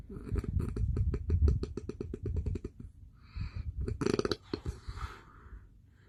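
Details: Adult man snoring loudly late at night: loud, rattling, low-pitched snore on the in-breath, then softer breathy out-breaths in a quiet room.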